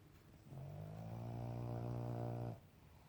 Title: Coco funny snoring😴😴